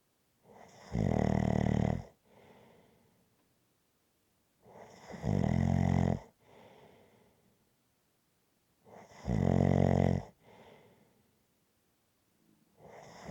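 Steady, loud, buzzing snores on each breath in, about every four seconds, roughly 14 breaths a minute, with soft breaths out in between.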